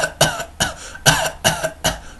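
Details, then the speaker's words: Staccato cough imitated by an adult in a pediatric cough teaching, suggesting chlamydia in infants: five short, separate cough bursts in quick succession. "a staccato cough. So you can think of chlamydia in infants."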